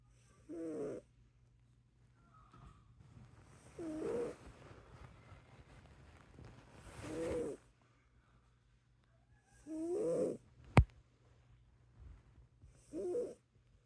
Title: Snoring cat